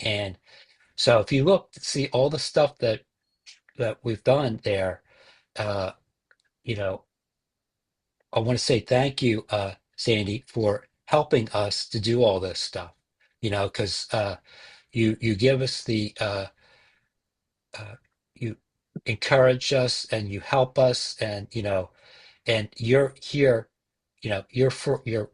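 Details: Male stroke survivor with aphasia, a support group member who joined the group early after his stroke; speech with fillers, repetitions and word-finding pauses; aphasia.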